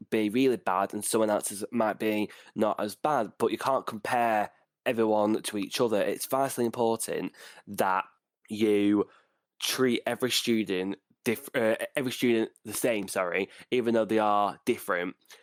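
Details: Stuttering in a 49-year-old adult male who reports severe blocks with eyes closing and breathing stopping; this stretch has part-word and whole-word repetitions, real speech.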